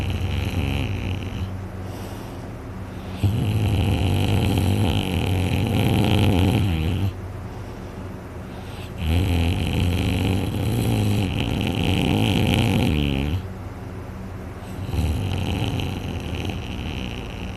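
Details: A very tired person asleep after a day of hunting, heavily snoring and left with a sore throat afterward: loud, rough, rattling inspiratory snores with quieter breaths out, slow regular rhythm.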